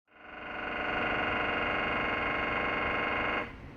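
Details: Philips 1.5T MRI scanner recorded inside the scan room during imaging: loud, sustained electronic buzzing tone with rapid pulsing for about three seconds; normal MRI scanner noise.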